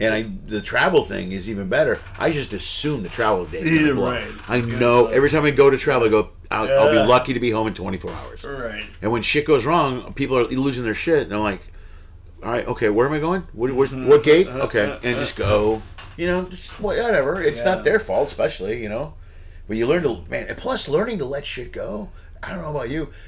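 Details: Adult male speaker; normal speech.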